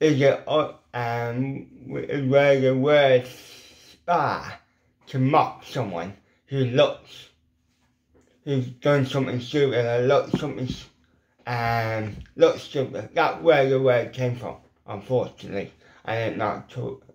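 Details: Dysarthria in an adult man with lifelong ataxic cerebral palsy; he attributes his permanent speech impediment to weak lip muscles that cannot form the shapes needed for certain letters.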